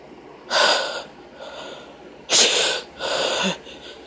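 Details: Induced sneezing in a female, possibly using paper: breathy gasps and three sneeze-like bursts in about four seconds, brought on by tickling the nose, with light room noise.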